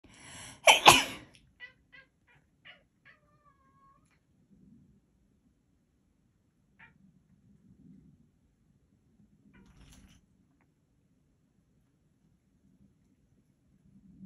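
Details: Person's single sharp, explosive sneeze in a quiet room, followed by a few small clicks and snuffles; their cat reacts to the sneeze.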